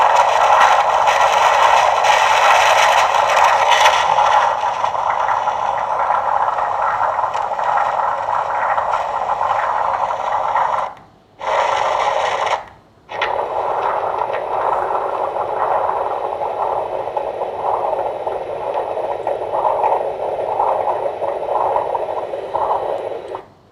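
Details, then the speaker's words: Doppler of an AV fistula vein about 5 cm from the anastomosis: flow volume around 130–173 ml per minute, not good flow; reduced Doppler flow in arteriovenous fistula vein. "so so the flow is here is around 173 ml per minute it's not that good flow"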